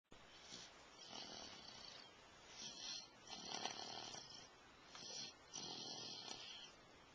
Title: Snoring